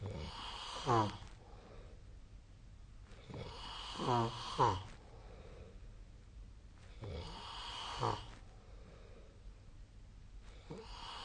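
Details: Snoring during sleep, recorded with the SnoreLab snore-tracking app on 2025/02/23.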